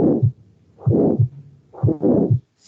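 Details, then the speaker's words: Aortic stenosis, played in a cardiovascular lecture: three heartbeats, each with a harsh diamond-shaped (crescendo-decrescendo) systolic ejection murmur swelling and fading between the heart sounds. "este soplo de la estenosis aórtica es rombo y dando no voy a"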